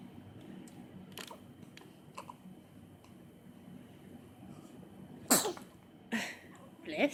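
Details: Happy baby sneezing: quiet room noise with soft sounds, then two sharp bursts and a third at the end; infant sneezes.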